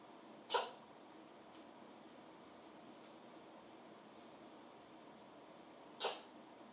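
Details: Sneezing in a subject with allergies: two short, explosive sneezes about five seconds apart against quiet room noise.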